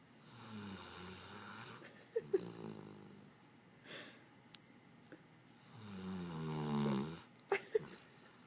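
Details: Snoring in an 8-month-old, 85-pound female Labrador puppy: two long, droning snores on the in-breath, with soft clicks and a quieter breath between them, in a small room.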